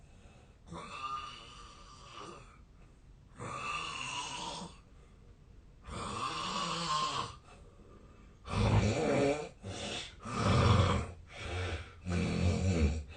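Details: Real sleep audio recorded 8 years earlier, when the snorer was thinner and suspects a long-standing sleep disorder: loud, harsh, buzzing snores at irregular intervals, closer together near the end; heavy snoring.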